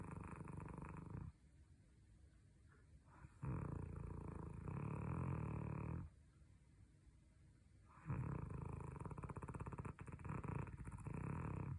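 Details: Snoring: loud, rough, rattling snores in long breaths with quiet pauses between them, about three snores heard; ordinary snoring.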